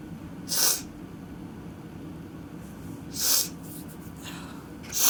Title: Apology sneezes